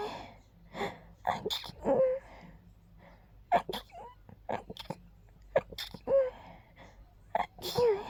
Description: I tried making my sneezes very gentle and girly.